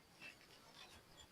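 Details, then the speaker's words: Faint, raspy rattling noises with each breath from a sick, weak, thin chicken with flu-like illness for one day, poor appetite and disturbed breathing: snoring-type rattling respiratory sound. "Oh, ngorok ya."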